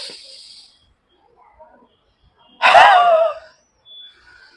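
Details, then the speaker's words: Huff coughing (forced expiration technique) demonstrated by a pulmonologist for sputum clearance: sit comfortably, take a long breath in through the nose, breathe out through the mouth; for COPD, asthma, bronchitis, bronchiectasis. "Hello నేను మీ doctor ఈరోజు నేను గళ్ళ clear చేయడానికి ఇంకొక technique చెప్తాను దాన్ని హఫింగ్ అంటారు లేదా half coughing అంటారు."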